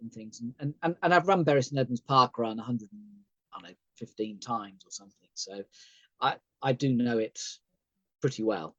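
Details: Adult male stroke survivor, thalamic stroke near the brain stem, partially sighted, with aphasia: sometimes difficulty speaking, hesitations, word-finding failures, plus cognitive and memory problems; he says today is a good day.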